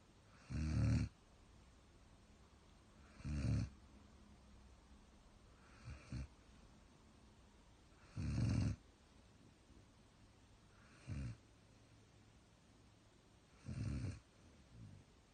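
Low, rough snores recur every few seconds, about six in fifteen seconds, with quiet breathing between: snoring during sleep.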